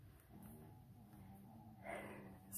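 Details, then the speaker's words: Pet dog sleeping in the background with quite the snore, snoring loudly: low, rumbling snore with a steady nasal drone under faint room noise; snoring. "Y'all, if y'all can hear the snoring in the background, that is my dog. He has quite the snore, but I guess it's better that he snores than barks."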